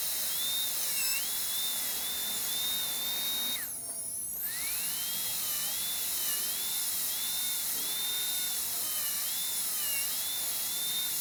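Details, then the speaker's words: Dental high-speed handpiece with a round-ended 5857016 diamond bur, all-ceramic crown prep on tooth #9, rounded shoulder: steady high-pitched whine wavering as it refines the facial aspect near the gum line, with brief spin-down and restart. "and we're going to refine our facial aspect here a bit now so and then we'll change to that gingival angle"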